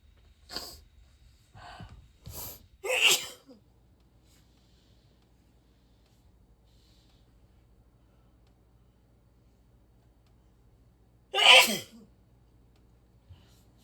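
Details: Natural sneezes recorded over a week from a person who rarely sneezes and calls their sneeze rather aggressive: five sharp, explosive sneezes, four in a quick run, then a pause and one loud final sneeze.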